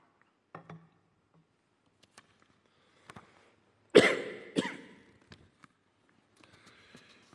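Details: A pause in a speech with faint throat noises, then two loud, harsh coughs close together from an adult man, followed by quiet room sounds.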